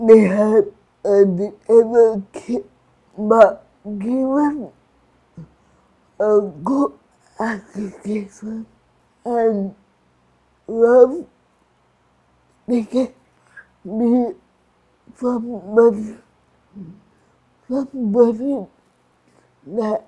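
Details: Adult woman with cerebral palsy and restricted movements; slurred speech, described by her teacher as difficulty speaking clearly; dysarthria (slurred speech) in cerebral palsy.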